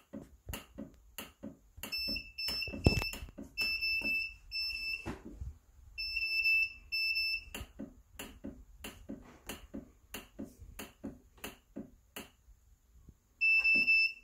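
High-pitched repeating alarm beeps over steady clicking from a transport ventilator, signalling an alarm condition.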